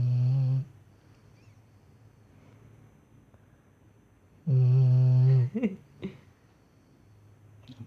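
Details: Female dog Lessie sleeping: two loud, low, droning snores about four seconds apart, the second ending in snuffling; snoring.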